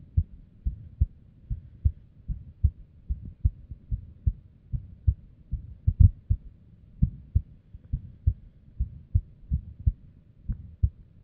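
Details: Female's resting heartbeat with an arrhythmia and abnormal beats: low thumps about 100 a minute, unevenly spaced, with occasional early or extra beats; an irregular, hard-to-predict heartbeat.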